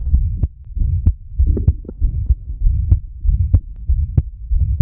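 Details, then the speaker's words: Digital stethoscope recording of a well-functioning prosthetic aortic valve with mild regurgitation: sharp, prominent prosthetic closure clicks around 95/min with a soft, non-intense murmur. "Esta es una prótesis valvular aórtica. Entonces, aquí tenemos, esta es la sístole y aquí tenemos el cierre de la válvula, ¿no? Fijaros cómo se oye. Lo que más se oye es el cierre de la propisis."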